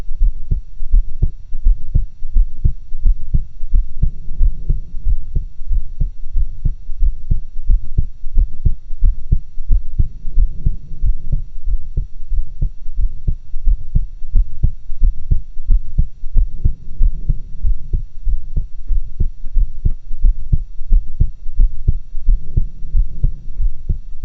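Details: Own normal heart sounds recorded through two stethoscopes at once, a stereo-like method: steady low thumping heartbeat about 90 a minute, with faint rubbing and hum.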